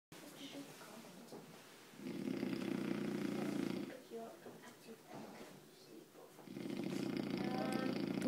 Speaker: Wildebeest is slumbering, and sounds like a motorcycle.